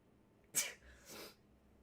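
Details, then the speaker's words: A woman sneezing repeatedly while filming, hoping she is not getting sick: a single sharp, hissing sneeze, then a softer breathy exhalation in a quiet room. "Okay. All right, I'm better. I'm okay. I'm okay. I'm not going to sneeze again. It's not going to happen."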